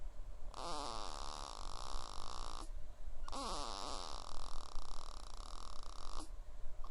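Two long, rattling, snorting breath sounds separated by a brief pause; snoring.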